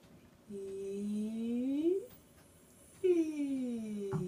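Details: Vocal fold polyp in a female professional band vocalist, one week before surgical removal, after a year of voice therapy; earlier told it was acid reflux; upward vowel slide loses top range, breathy tone.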